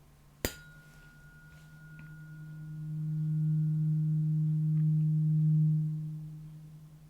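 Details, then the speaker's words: Role-played ASMR ear examination of a patient with a few weeks of hearing loss, right ear worse than left: a tap, then the steady low hum of a struck tuning fork that swells and fades as it moves close and far. "close to your ear you can hear it but when it's further away it's you can't hear it as much you should be able to hear it still"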